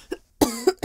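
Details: Simulated cough in a female-voiced roleplay of a sick girlfriend claiming allergies, with headache and dizziness: a short acted cough, two quick bursts, imitating a cold cough.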